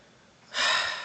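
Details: A dog with a diagnosed heart murmur, lying on a bed and declining, recorded in the morning, takes a sudden, harsh, noisy breath after a quiet moment; owner fears she isn't getting enough oxygen; labored breathing.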